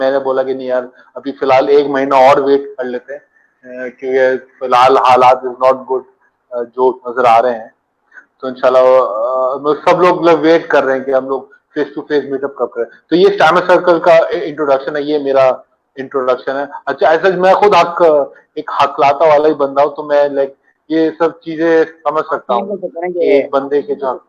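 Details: Adult man who stammers; stuttering.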